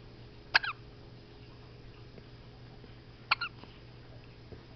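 Two sharp, abrupt hiccups about three seconds apart against a quiet room hum.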